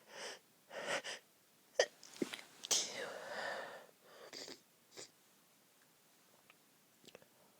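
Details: Several quiet, muffled sneezes with catching breaths between, held back by a woman while asleep next to her friend; stifled sneezing.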